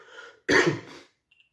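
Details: Cough from a man who is sick, late at night, drinking tea: a faint breathy sound, then one loud, harsh cough burst trailing into throat clearing in a quiet room.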